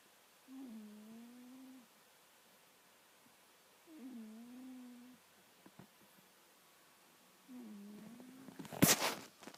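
Three even, humming snores about every 3.5 seconds from a sleeping cat in a quiet room, ending with a brief rustle.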